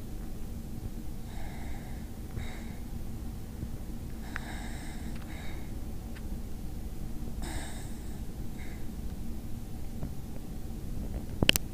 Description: basenji snoring